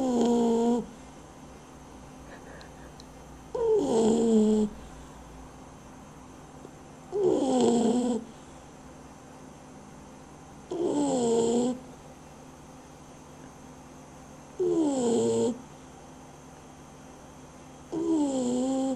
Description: http://www.mein-hunde-blog.de - Unser Hund schnarcht, Our dog snores. Echt lustig ;)